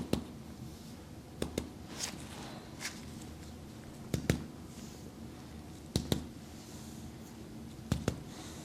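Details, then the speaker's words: Reflex hammer percussion tapped down the spine in an ASMR chiropractic role-play back exam on an adult dancer with a middle and lower back strain; sharp paired taps along the back, repeated; reactions judged normal. "I'm going to be percussing down the spine okay so you're just going to feel a light tapping sensation I'm just judging for normal reflexes to make sure you don't have any EMA and I'm checking for fluid retention here"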